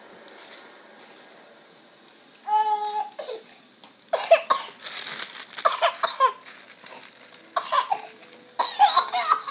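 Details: 22-week-old infant playing in his crib, sick: brief voiced coo, then about five short, wet-sounding coughs in quick succession.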